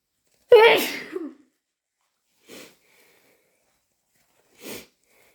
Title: Itchy hayfever/induced sneezes!